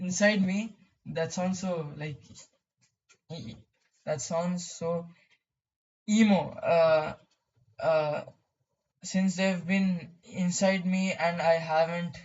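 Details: Stuttering in a male speaker who describes his own stammering.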